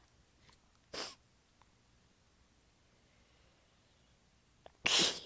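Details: Two sharp, hissing sneezes with quiet and faint sniffs between, within a massive fit; the person was exhausted with sore abs and biting them back, so they sound weak. Sneezing.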